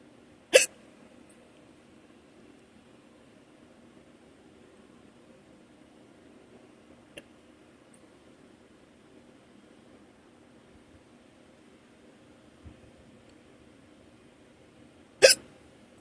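Two sharp, abrupt hiccups about fifteen seconds apart, with quiet room noise between them: ordinary hiccups.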